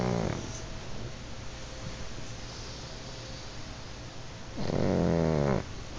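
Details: Two pugs lying in bed snoring: two loud, buzzing snorts at the start and end, with quiet breathing noise between; dog snoring.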